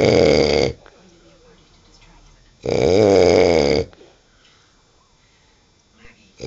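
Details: Snoring: two loud, rough, vibrating snores about a second long with quiet breathing between.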